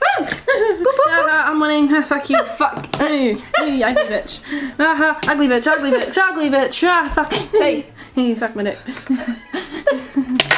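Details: Tourette syndrome with repeated swearing and 'ugly' vocal tics (coprolalia); finding: Tourette syndrome vocal tics.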